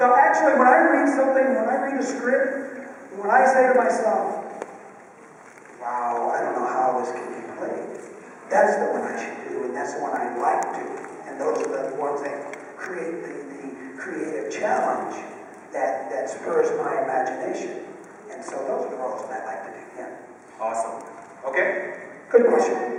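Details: Adult male with one vocal cord bowed and one paralyzed after a childhood clothesline injury to the neck, present ever since; unilateral vocal fold paralysis with breathy, rough voice.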